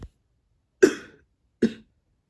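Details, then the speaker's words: Adult reading aloud keeps coughing and apologizes: cough. "i keep on coughing i'm sorry you can hear that one time so it just sounded like silence"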